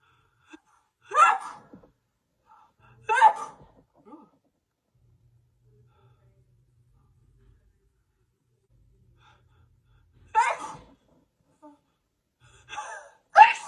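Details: Sneezing fit on camera: a run of about five sharp sneezes separated by quiet pauses.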